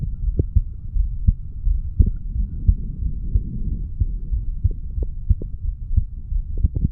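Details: 35-year-old male's heartbeat recorded at the mitral area after weight training: quick low thuds about 90 per minute with rustling between beats; heart sounds after exercise.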